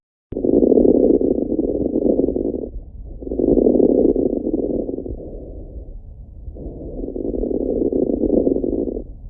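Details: Normal breath sounds recorded with an Eko Core 500 digital stethoscope: soft, even rushing breath sounds in steady cycles, about 19 breaths a minute, with no wheeze or crackles.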